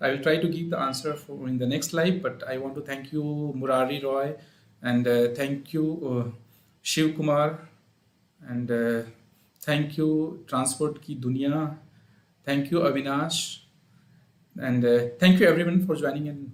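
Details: Adult man speaking; normal adult male voice.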